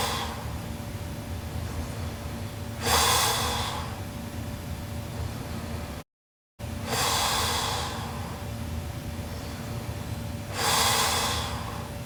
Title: Sleeping Japanese Girl Super Loud Snoring Part 1